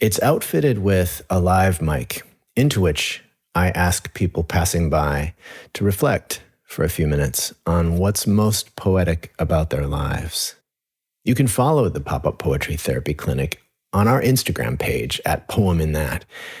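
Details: Adult man narrating; normal speech.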